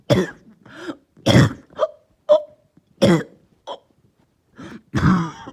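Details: Lingering cough that started last night, with headache: a run of about nine short, harsh coughs and throat-clearing bursts in quick succession.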